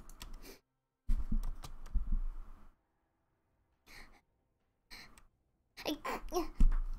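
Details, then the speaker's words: Adult sneezing several times in a row while playing League of Legends, sharp breathy bursts after quick intakes of breath in a small room: repeated sneezing. "Oh my god, I was sneezing and I didn't see this Yasuo and I just fucking flew into him."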